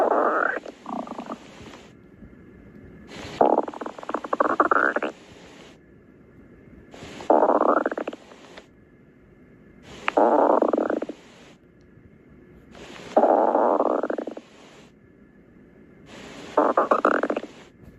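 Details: Stomach growling (borborygmi): repeated bubbling, gurgling rumbles from the belly, about six bursts in eighteen seconds; ordinary stomach growling.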